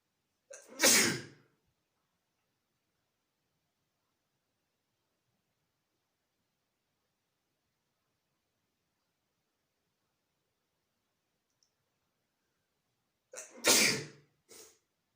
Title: Sneezing and very small fart